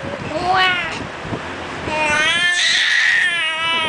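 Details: Infant crying: rising, wailing cries in short bursts while an adult talks nearby, urging him to cry for the camera, in a small room.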